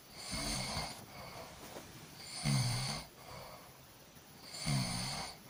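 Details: Ordinary snoring from a sleeping person: three rough, rattling snores on breathing in, each about a second long and about two seconds apart, with quieter breathing out between them.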